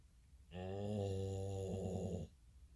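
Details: Snoring: a single long, low, rumbling snore lasting under two seconds.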